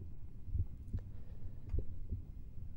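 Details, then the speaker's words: Clinical cardiovascular examination demonstration, stethoscope diaphragm at the aortic area (second right intercostal space): two clear, slow, regular lub-dub cycles with no added sounds, normal heart sounds. "I then proceed the examination Again by listening with the diaphragm the low left sternal Edge in the second intercostal space on the left the pulmonary area and the second intercostal space on the right the aortic"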